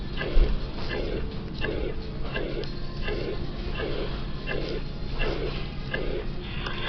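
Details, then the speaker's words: Uniform holosystolic murmur from a constant left ventricle to left atrium pressure gradient throughout systole; mitral regurgitation. "The pressure gradient between the left ventricle and left atrium remains relatively constant throughout systole, resulting in a uniform or holosystolic shape."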